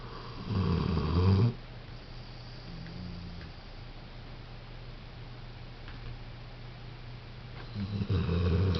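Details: A sleeping dog, Coco, gives low, rattling snores with each breath, separated by quiet pauses. Snoring.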